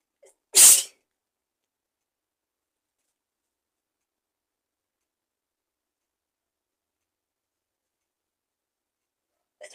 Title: Induced sneezes (Part 2) 💕